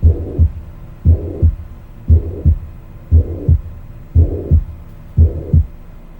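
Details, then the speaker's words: Regular heartbeat near 58 a minute with a soft, aspirative, decrescendo diastolic blowing sound after the second sound, heard at the aortic focus, from a teaching recording; aortic regurgitation murmur. "Es un soplo que es diastólico, como ya les mencioné, y va a ir en decreciendo. Y su timbre va a ser aspirativo."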